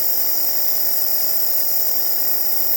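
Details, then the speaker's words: Compressor nebulizer running at home, delivering medicine mist for chest infection: steady loud mechanical hum with hissing airflow. "ये देखें, वो भाप निकल रही है, नेबुलाइज हो रहा है। ये जो धुआं निकल रहा है, ये नेबुलाइजेशन की मेडिसिन का है धुआं, जिससे चेस्ट इन्फेक्शन क्लियर हो जाती है।"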